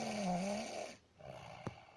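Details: Young child asleep, being woken after arriving at grandmother's: one short, groaning snore on an in-breath, then a quiet pause and a small snort; snoring in sleep.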